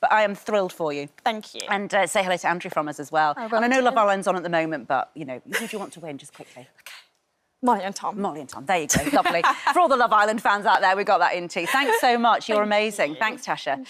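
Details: Adult woman speaking, brief reply from a second speaker; normal speech.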